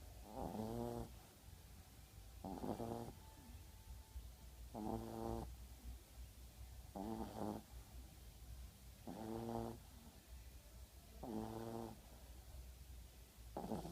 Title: Lola CC SBT 0004 When a staffy pup snores...